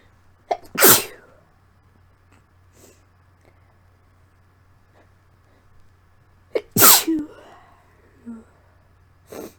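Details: Person sick with a lingering cold, sneezes deliberately induced: two forceful sneezes, each with a short inward breath before the burst, over a steady low room hum; sneezing.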